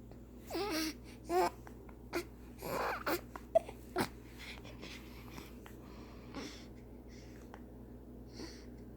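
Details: Infant frustrated and upset by hiccups gives short fussy cries and whimpers with breathy catches between, in a quiet room: infant crying.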